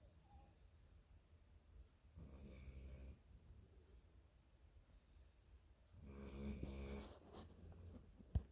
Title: 11 month old can sure snore!!!